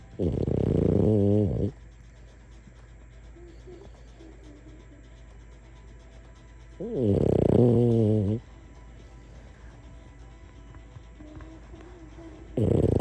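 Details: Sleeping, dreaming French Bulldog snoring: loud, rough snores about every six seconds, roughly 10 breaths a minute, over steady room noise.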